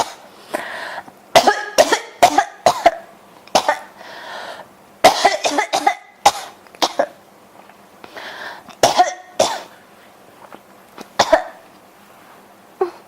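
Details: Repeated sharp cough bursts, mostly in clusters of two to four, with short breaths between, continuing throughout, from a person whose throat feels scratchy today; persistent, hard-to-stop cough.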